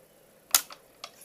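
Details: Three crisp clicks in a quiet room, the first loudest: YAG laser shots breaking up a dense vitreous floater in a male patient's left eye.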